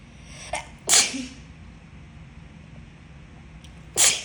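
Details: Two sharp explosive sneezes about three seconds apart after a brief intake, over quiet room hiss; announced ordinary sneezes.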